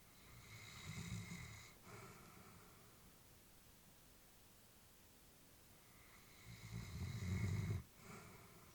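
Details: Elderly female Labrador sleeping: slow, soft snoring with two low rattling inhalations about six seconds apart, quiet and unlabored; ordinary snoring during sleep.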